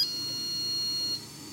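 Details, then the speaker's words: A single sustained high-pitched beep from a dental curing light curing one layer of composite, built up about two millimetres at a time, during a student composite restoration; curing light beep. "you have to do it layer by layer and we will cure for two beats"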